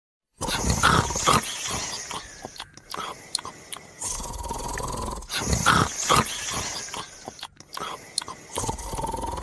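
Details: Loud, rough snoring in repeated breath cycles with snorting and rumbling as a man and his dog sleep and snore together.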